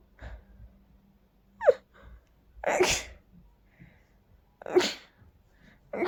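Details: Dust allergy sneezing: three sneezes, each with a sharp rising high-pitched onset, in quiet surroundings.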